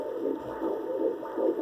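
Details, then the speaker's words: Fetal heartbeat on Doppler at 13 weeks of pregnancy: rapid, regular whooshing pulses at about 150 beats a minute, normal, with the mother's slower uterine artery pulsing in the background. "101 50s which is a normal part rate for a baby and about twice what yours is"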